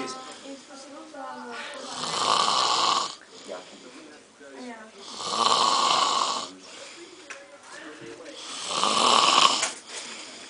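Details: Loud snoring from an adult man: three rough, rasping snores about every three and a half seconds, with quiet talking in the background between them.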